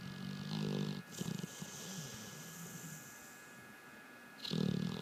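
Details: Sleeping pit bull dog snoring: low rumbling snores at the start and end, a quieter stretch between, and a steady electrical hum in the background; snoring.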